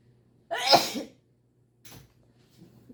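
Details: Person doing a Covid-19 nasal swab test sneezes unexpectedly: one loud, sharp voiced sneeze, then a faint second exhale; reflex sneeze triggered by the nasal swab.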